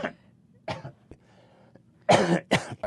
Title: Be blessed by a cough!